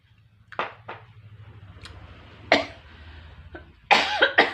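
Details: Several short, sharp cough bursts over low room hum while eating beef fat seasoned with chili, garlic, shallot and sweet-sour spice; ordinary cough from throat irritation.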